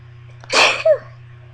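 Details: Sneeze induced with a bobby pin: a single sharp, hissing sneeze with a short voiced tail over a steady low hum, from a series of about 30 sneezes with some stifles and nose blowing.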